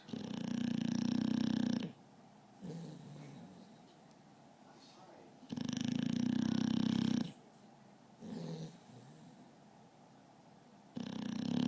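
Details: An adult dog snoring, with loud, rough snoring on each in-breath and quieter snorting on the out-breath, about 16 breaths a minute.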